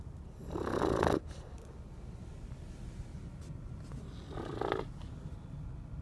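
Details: Snoring: two rough, rattling breath noises a few seconds apart in a quiet room.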